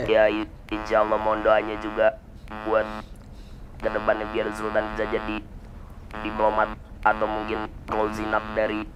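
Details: Electrolarynx speech in a male university student whose larynx was crushed by a hanging fibre-optic cable while motorbiking; his larynx and vocal cords were removed, he breathes through the neck, and his father calls the voice flat and robot-like.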